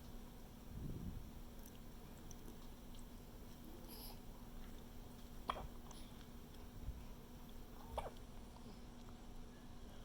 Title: Hiccups